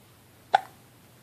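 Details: Single short, sharp hiccup from a baby boy during tummy time, heard against a quiet room; infant hiccups.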